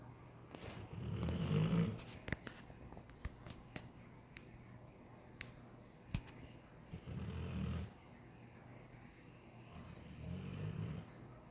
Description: A quick clip if macho sleeping and snoring...this dog. 😂